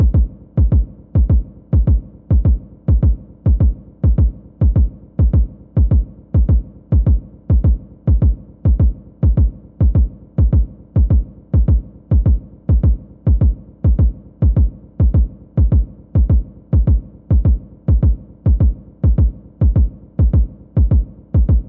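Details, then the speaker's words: Simulated apical heartbeat in a nursing vital-signs demonstration, counted as 52 in 30 seconds, giving 104 beats per minute: steady, regular low thumps, a regular mildly fast heartbeat (tachycardia). "So that time, I got 52. So that's 104. So he was going a little bit faster that time."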